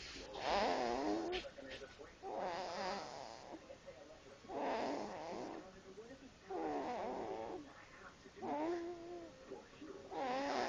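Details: Sleeping cat snoring with sighs: rhythmic, buzzy snoring with soft sighing breaths about every two seconds, roughly 30 a minute; ordinary snoring.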